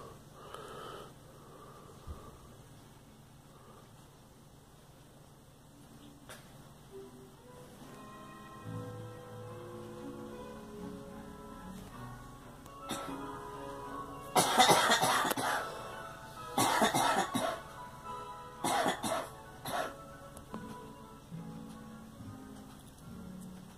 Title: Girl coughing